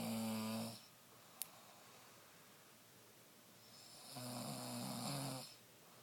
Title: Proof my BF snores...